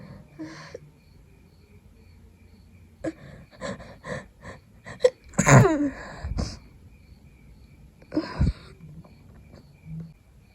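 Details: Person with a cold trying to fall asleep at night: catchy breaths build to a loud, wet sneeze, then sniffing and a shorter second sneeze.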